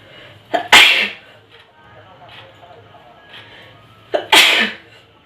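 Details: Two loud, sharp sneezes during a sneezing challenge, each with a short indrawn breath before the burst, a few seconds apart in a quiet room.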